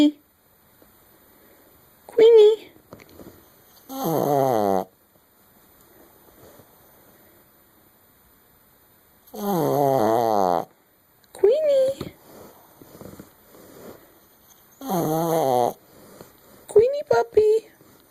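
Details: Dog (Queenie) keeps snoring with her eyes open after waking up: three rough, rattling snore-like breaths between quiet gaps, mixed with short whines and yelps; snoring while awake.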